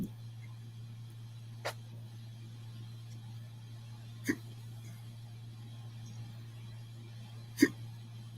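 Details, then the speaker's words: Three brief, sharp hiccups a few seconds apart from an adult man during a live talk show, over a steady room hum. "Got hiccups over there, man? Yeah, Been eating good."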